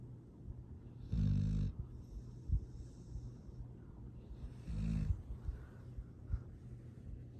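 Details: Soft, low snoring breaths from a sleeping rescue foster dog, two clear snores a few seconds apart against faint room noise; sweet, happy snoring.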